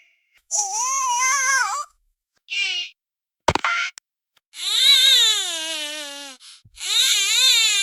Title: Baby Cries Sound Effect